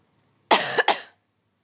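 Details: Cat coughing while its owner is sick, which the owner jokingly calls sympathy pains: two quick, harsh, noisy coughs in close succession in a quiet room.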